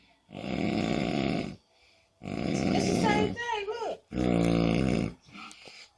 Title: Snore game cray!